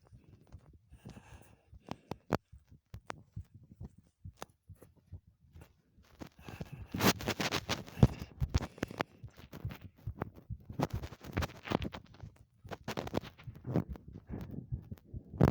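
Quick, soft low thumps of a heartbeat during exertion, partly buried under scraping and rustling from movement.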